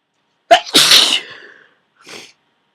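A sharp intake, then one loud forceful sneeze and a brief breathy aftersound; a powerful sneeze with a cold.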